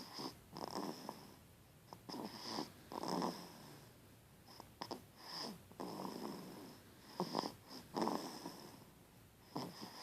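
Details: Person sleeping: repeated soft, rough snorting breaths with brief whistling and clicking noises in a quiet room; snoring.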